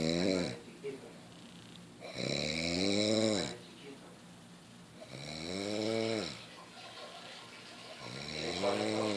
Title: Snoring like a boss